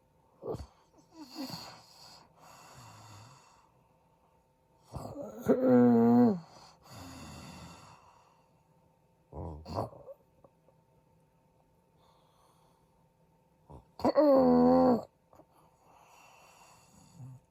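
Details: A sleeping adult husband snores loudly and irregularly in bursts, with quiet gaps between breaths; he is reported to stop breathing in his sleep, suggesting possible sleep apnea.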